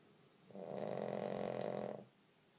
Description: Olly my Pug, not even sleeping, yet snoring his head off!